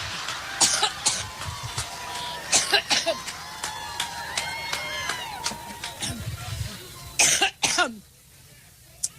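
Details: Several sharp, dry cough bursts in clusters with throat clearing over crowd noise: a public figure's prolonged coughing fit during a rally speech, described as seasonal allergies; a coughing fit.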